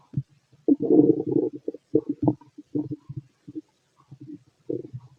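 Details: Fit adult male, stomach heard through a stethoscope while digesting pastry, chicken, curry, bread, milk, eggs and pasta: irregular gurgling and rumbling bursts of varying length; bowel sounds.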